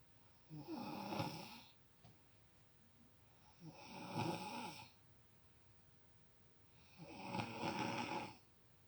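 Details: Snoring in a sleeping girl who won't stop snoring: three loud, rough snoring breaths about 3 seconds apart, roughly 18 a minute, with quiet pauses between.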